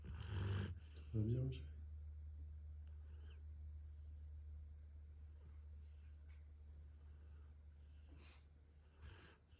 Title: Snoring again